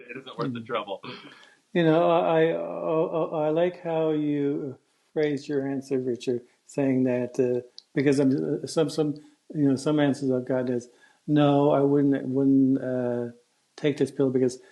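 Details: Stuttering in an adult man who stutters, speaking in a podcast interview, with word repetitions heard such as "I I", "some some" and "wouldn't wouldn't".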